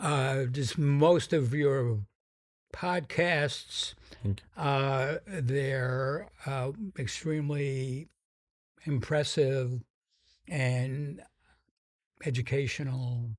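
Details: Stuttering in an adult man described as having a pretty strong stutter whose severity varies; stutters sometimes noticeably.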